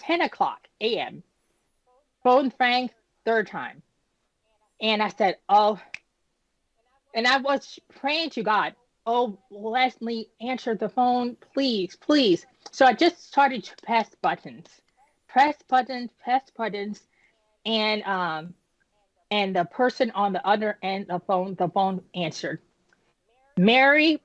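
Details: Adult woman, about 10 years after an ischemic stroke at age 36 that damaged about a third of her brain, including the speech center; initially unable to speak, with right-side paralysis; still recovering, with repetitions and word-finding pauses; post-stroke aphasia and apraxia of speech.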